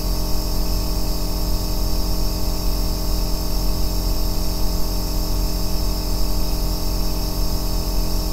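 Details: Aerosol nebulizer compressor running continuously, recorded as an ASMR white-noise track for sleep and relaxation: a steady deep motor hum with a faint hiss throughout.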